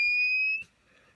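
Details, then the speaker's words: A single steady high-pitched beep of about half a second from a Bodyguard 323 Color Vision infusion pump after the lock button is held, signalling it can be switched off: infusion pump switch-off tone. "enfin puyet maintenir un petit moment jusqu'à un bip puis impérativement il faut interdire la pompe en appuyant le boulot en off en appui au maintien vendredi"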